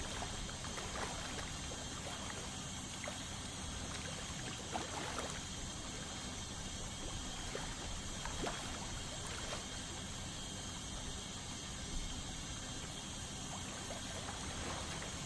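Continuous high hiss and spray noise with light scraping ticks; ultrasonic scaler removing tartar during dental cleaning.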